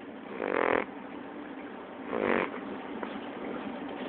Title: Bailey snoring